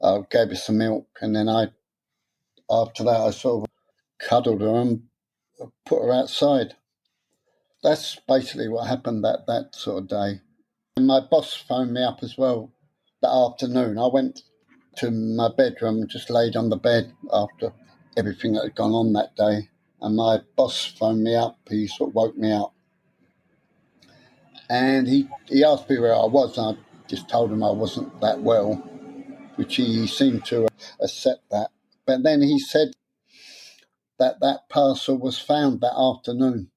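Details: Stuttering (stammer) in an adult man, present since about age seven after childhood trauma (his parents' deaths); he later took a three-day therapy course and learned a breathing technique but says he still gets stuck on some words.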